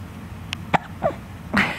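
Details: Child with bad hiccups, laughing while someone tries to scare them off: a few quick, sharp bursts of breath ending in a louder sneeze-like burst, over faint room noise.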